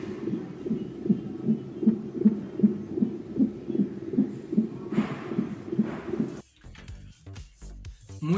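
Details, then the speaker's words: Fetal heart auscultation with Doppler transducer on pregnant woman's abdomen: rapid, regular whooshing fetal heartbeat at 140 per minute, within normal range of 120–160; normal fetal heart sounds. "señorita cristina muchas gracias su bueno tiene una frecuencia cardiaca fetal de 140 latidos por minuto así que se encuentra dentro del rango normal"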